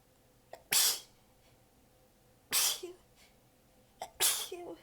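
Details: Part of a prolonged sneezing fit; sneezer exhausted with sore abs, partly biting sneezes back: three forceful sneezes a couple of seconds apart, each preceded by a short catch of breath.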